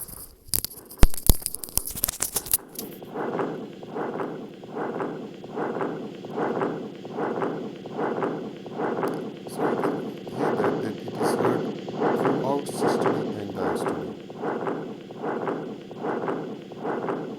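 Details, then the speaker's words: Recorded continuous machinery murmur of patent ductus arteriosus: a continuous rumbling murmur swelling with each beat at about 75 a minute. "normally it is a actually a continuous machine remember and we're going to hear the recording of the uh continuous machine remember of the patent doctor search"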